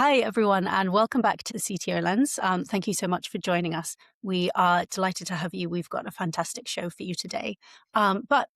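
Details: Adult woman speaking; normal speech.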